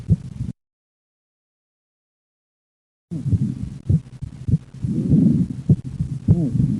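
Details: Left bundle branch block: low heart sounds with paradoxical splitting of S2, S1–P2–A2 split audible on expiration, merging to single S2 on inspiration as pulmonic closure is delayed onto A2.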